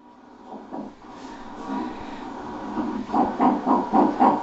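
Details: Fetal puppy heartbeat recorded in the womb with echography and Doppler: rapid, rhythmic whooshes at about 230 beats per minute.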